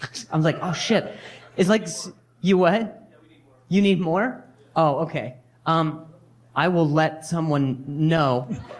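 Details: Stuttering in a male stand-up comedian; he says noises while talking worsen his stuttering and that it varies with his anxiety level.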